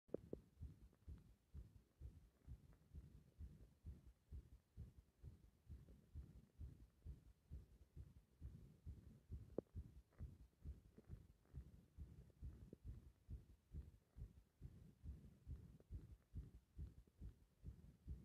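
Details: Heart sounds recorded with pressure (compression), turning irregular when the breath is held: fast, low thumps around 136 a minute with uneven spacing.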